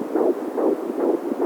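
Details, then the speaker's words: Raw baby Doppler recording of his unborn daughter's heartbeat: rapid, regular whooshing pulses about 140 beats a minute; fetal heartbeat on Doppler. "so it's a really simple little beat just five layers first of all you've got the heartbeat"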